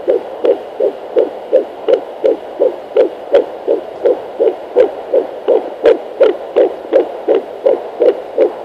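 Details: Fetal heartbeat at 10 weeks of pregnancy on Doppler: rapid, regular whooshing pulses at about 167 a minute.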